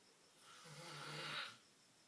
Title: He doesn't believe how loud he snores